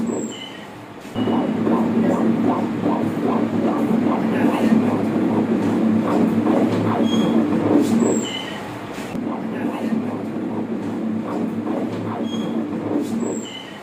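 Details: Rapid rhythmic whooshing pulses of a fetal heartbeat on pregnancy ultrasound Doppler, a normal fetal heart sound.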